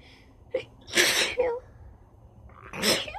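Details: Rapid sneezing with nose blowing: two sharp, explosive sneezes, each with a quick indrawn breath before it, in a quiet room.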